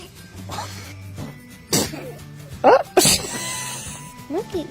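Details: A baby sneezing: small, sharp sneezes, with music and adults saying "bless you" in the background.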